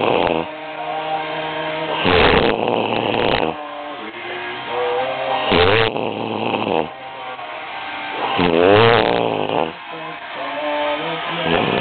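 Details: Loud, harsh, buzzing snores about 19 times a minute with music in the background: very loud snoring during sleep.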